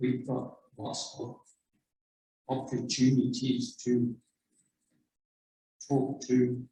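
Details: Man with lasting speech difficulty after a left-hemisphere stroke in March 2010, almost 12 years earlier, practising talking in a stroke support communication group; aphasia.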